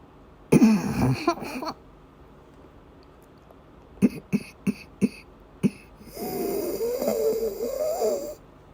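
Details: Woman during persistent asthma attacks with migraine-cluster headache complex, with coughing and vomiting: a harsh cough burst, then a run of short coughs and a long, strained, noisy in-breath; coughing during an asthma attack.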